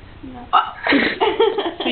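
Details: A person hiccuping while laughing: a sharp, voiced hiccup catch followed by laughing vocal sounds.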